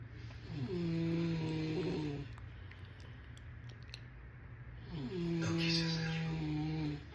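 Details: Snoring.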